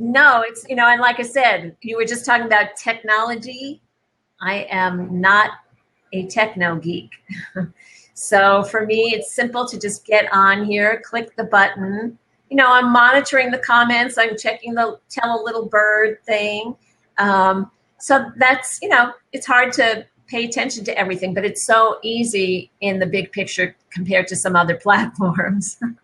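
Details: Adult woman speaking; typical speech.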